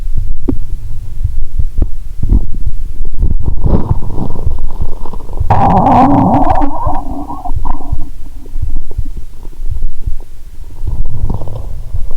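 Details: Stethoscope on the abdomen of a person lying down after drinking cola with swallowed Mentos: gurgling, rumbling abdominal sounds, heartbeat also audible; active bowel sounds (borborygmi).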